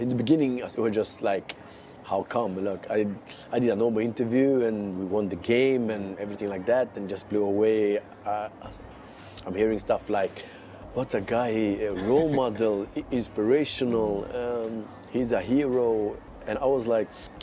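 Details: Adult male footballer with a stammer that began suddenly at age six; stammering.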